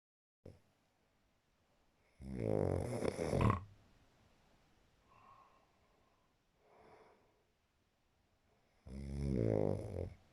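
Loud, rattling snores on the in-breath with quieter out-breaths between them; about 3 breaths in 10 seconds, a typical snoring pattern.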